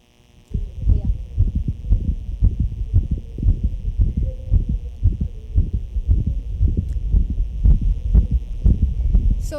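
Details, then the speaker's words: Dog with arrhythmia and a cardiac defect: irregular heartbeat near 115 a minute, grade 4/6 crescendo-decrescendo murmur heard on both left and right, most intense on the right side. "this sound or murmur was graded as grade four out of six meaning um it can be heard both s left or s right both left and right me sound or [Music] murmur"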